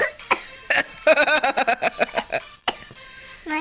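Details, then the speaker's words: A young child coughs while being filmed by a parent, who reassures the child to cover their mouth; cough. "yeah cover your mouth when you cough baby it's okay"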